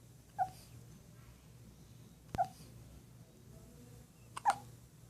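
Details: Infant hiccups: three brief, soft, sharp hiccup sounds about two seconds apart over a quiet room hum.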